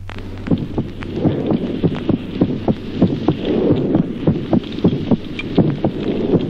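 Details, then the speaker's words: Normal heart sounds in a child with respiratory sinus arrhythmia: beats near 100 a minute whose spacing speeds and slows with breathing. "ejemplo segundo signos auscultatorios normales en el niño arritmia respiratoria simultánea"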